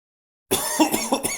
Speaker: я всего лишь кашлянул рот ты почему не прикрыл когда кашлял